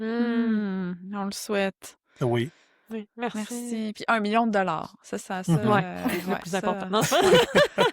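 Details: Adult woman speaking French; no speech disorder.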